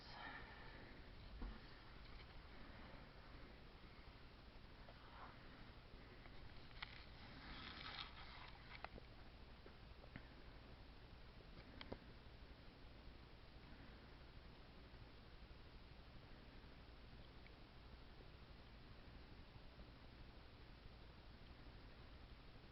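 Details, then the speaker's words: Normal active bowel sounds, neither hyperactive nor hypoactive, auscultated over all four abdominal quadrants during a nursing physical assessment of a male patient. "um and his um bowel sounds were active times four um they weren't hyperactive they weren't um hypoactive they were just even kale"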